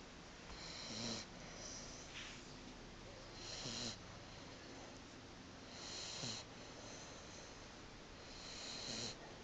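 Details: Staffy puppy fast asleep after play: slow, regular noisy breaths with a soft snort on each, about 20 a minute, over steady background hiss; snoring.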